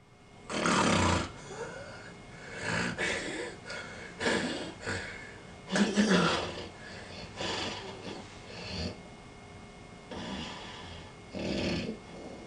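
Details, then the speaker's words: Harsh, irregular, noisy wheezing breaths from an overweight man in a sleep study, lying on his back with an elevated pillow and thick neck, from a partly blocked airway; obstructive sleep apnea with labored breathing. "this is not snoring this is wheezing any second now his brain says i'm not breathing"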